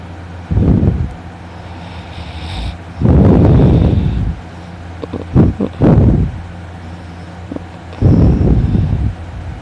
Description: I slept in this morning and I slept very good I snored loudly no wonder why my throat hurts so much!